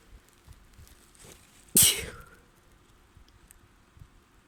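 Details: Person with a spring cold: a single sharp, hissing sneeze burst in a quiet room, with faint rustling before and after; an ordinary sneeze during a cold.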